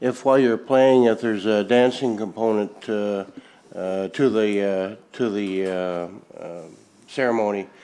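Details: Adult male speaker; Normal conversational speech.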